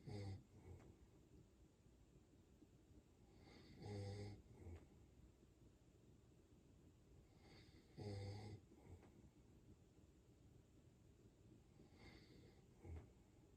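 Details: A German Shepherd dog snoring loudly in sleep: regular low, rumbling snores about every four seconds, roughly 15 a minute, each followed by a softer snort.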